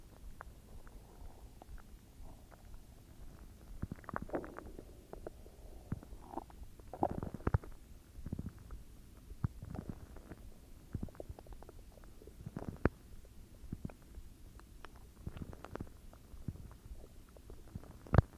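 Deep rumbles with scattered gurgles and clicks: ordinary stomach growling, normal bowel sounds.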